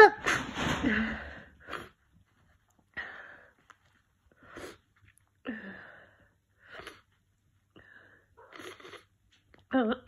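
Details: Congested allergy sneezing after an hour of sneezing while cat sitting: a forceful sneeze, then short, stuffy, voiced bursts and catches of breath with a blocked-nose quality.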